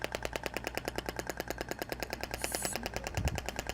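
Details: Shockwave therapy training demonstration with a Thork device (IBRAMED): the handpiece fires rapid, regular sharp clicks as pulses are applied to a trigger point.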